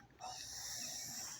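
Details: A person with a tracheostomy breathes just after a jog, having smoked half a cigarette and snored all night, with mucus crusted on the trach. A harsh, hissing rush of air passes through the narrowed tube. Finding: laboured breathing through a partly blocked tracheostomy.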